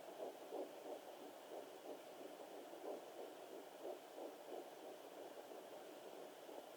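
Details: Fetal heartbeat on a fetal Doppler at 9 weeks 1 day of pregnancy: fast, soft whooshing pulses, roughly 180 beats a minute, over steady hiss.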